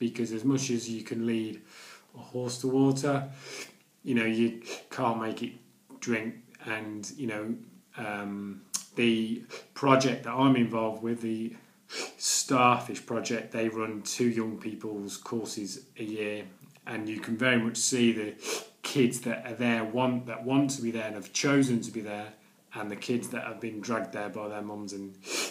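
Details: Stuttering (stammering) in an adult man who has stammered daily for nearly 40 years, speaking in his video blog.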